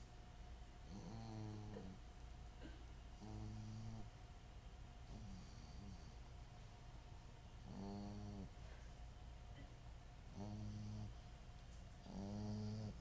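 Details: Fogey, a sleeping dog, snoring while dreaming: short, low, buzzing snores in irregular bursts over a steady room hum.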